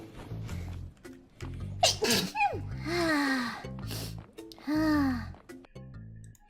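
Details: VTuber: two high, squealing, stylized cute sneezes, each after a short gasping in-breath, over background music; sneezing.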